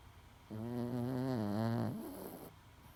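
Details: Loud sleeping snoring from a 10-pound Chihuahua: one long, loud, vibrating, low-pitched rattling snore on an in-breath against quiet room noise.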